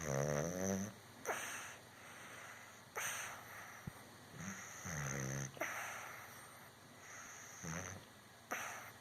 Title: Barley snoring